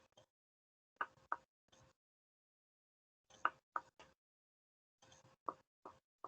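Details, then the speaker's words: Teaching demonstration of finger percussion down the right chest along the midclavicular line from the second intercostal space: resonant lung note gives way to dullness where lung overlaps the upper liver border; it turns resonant again on a held deep breath. "Acá encontramos un matidez. Se da por la superposición del parénquima pulmonar con la matidez hepática."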